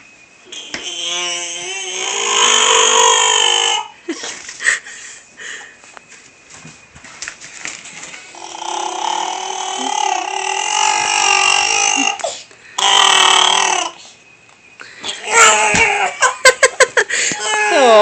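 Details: Loud, drawn-out, strained cry bursts with a growling, moaning, Wookiee-like quality between breaths; this is the infant son's usual way of crying.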